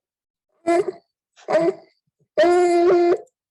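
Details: A patient, presented at a pediatric emergency medicine conference, has classic stridor while clearly having a lot of trouble breathing.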